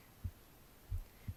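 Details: Adult's heartbeat recorded on the left side of the chest while reading aloud: soft, low thumps against a quiet hum in a regular lub-dub pattern with no added sounds, normal heart sounds.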